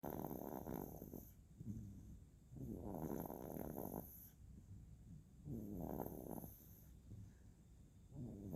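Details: Sleeping infant snoring: rough, rattling snores with each breath, about 20 a minute, with quiet pauses between.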